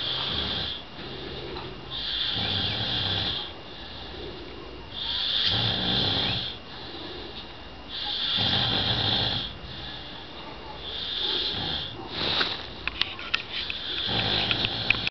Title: Snoring roomate Zambia